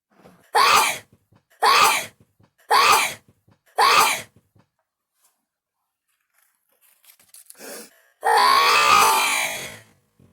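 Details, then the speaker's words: Person's natural at-home sneeze, done on purpose and described as feeling like digging into the brain: four short explosive sneeze bursts about a second apart, then a longer drawn-out burst after a pause. "this is my actual sneeze guys oh my brain i feel like i'm digging into my brain"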